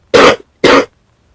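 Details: Person sick with fever, sore throat, coughing, sneezing and runny nose: two short, harsh coughs or throat-clearing bursts, evenly spaced, in a quiet room.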